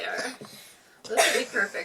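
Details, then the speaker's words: A sharp, noisy cough burst from a child, one of two coughing children, breaks through soft background voice sounds in a small room. "cuz both my kids as you can hear are coughing instead so I get to try this out"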